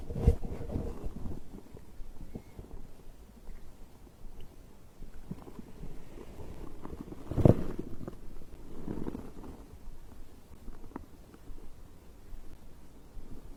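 Low gurgling and rumbling with occasional louder burbles, typical of stomach growling during digestion.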